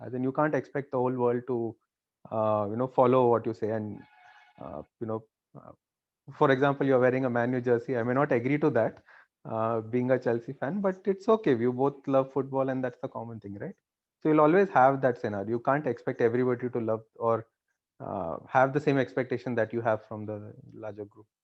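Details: Adult man; fluent speech.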